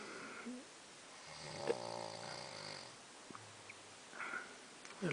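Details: Man snoring tremendously loudly at night on a fishing trip in the bush of San Luis.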